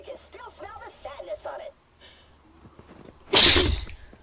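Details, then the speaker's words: Person gaming and talking, then a short pause and one loud, explosive sneeze close to the microphone. "no no everyone's going to hear the full glory of my sneeze"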